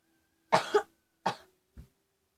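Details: Three acted coughs, two strong and one faint, in a quiet room, staged as a prank pretending to cough up blood to an older sibling; a simulated cough.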